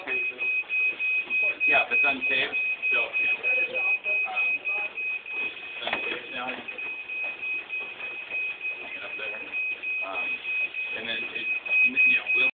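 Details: Steady, high-pitched, repeating dialysis machine alarm over people talking in a room, during dialysis machine setup filmed by a student on a phone.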